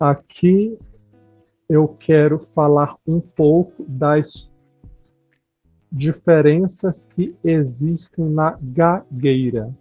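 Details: Adult speaker; no disorder.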